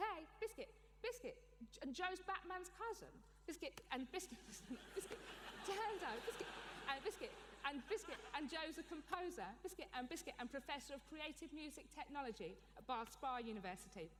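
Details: Adult woman with Tourette syndrome, with frequent vocal tics such as 'biscuit' and 'hedgehog' and with coprolalia; Tourette syndrome vocal tics.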